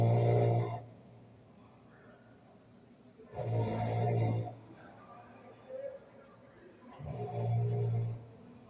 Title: #This man still don't think he snores#viral